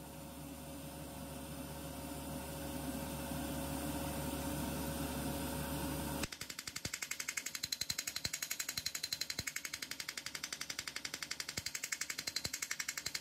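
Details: Erbium YAG laser removing an epidermal nevus in a female patient under anaesthesia: steady room hum, then sharp regular snapping pulses about 170 per minute; laser pulses during skin treatment.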